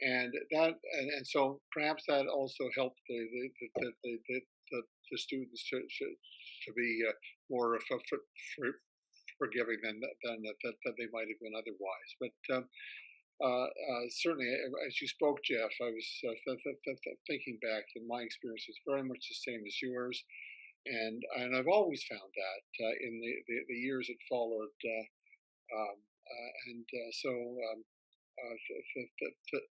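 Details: Retired male academic who stutters; spoke only with great difficulty when young, now has reasonably good control most of the time; part-word and word repetitions heard; stuttering.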